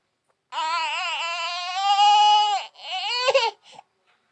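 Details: A baby crying: a loud, sustained, high-pitched wail with wavering pitch, then a shorter second wail.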